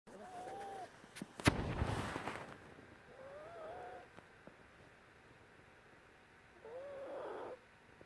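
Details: Dog making high, whistling breath sounds about every three seconds, fitting a wheeze; owner unsure whether it is wheezing, snoring or heart failure.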